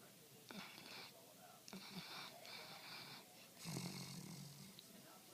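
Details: Light snoring during sleep: soft, rattling breaths with faint whistling over steady background noise.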